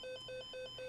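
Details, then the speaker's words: Suction malfunction alarm in a hospital, sounding when the suction service is interrupted: rapid repeating two-tone electronic beeping, about four beeps a second. "although the alarm will sound several hours before the supply is due to run out it must be changed as soon as possible to ensure an uninterrupted Supply the alarm silences automatically once this has been done a suction malfunction alarm will sound if this service is interrupted"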